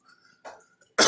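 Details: Adult man in a hospital bed, in isolation and treated for coronavirus, three days before his death, talking on a live broadcast: a single short, harsh cough after a quiet throat sound; cough.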